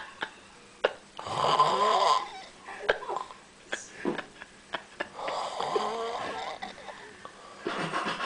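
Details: A person asleep in a small room during a trip in Valencia, snoring with repeated rough, rattling snores on the in-breath and clicks and snorts between them.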